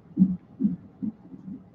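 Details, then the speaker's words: Fetal heart monitor heard in the background: soft, rhythmic whooshing thumps, roughly 140 a minute, a normal fetal heart rate. "my girl a condo p says i hear that fetal monitor in the background yeah it's it's real in the field out here man"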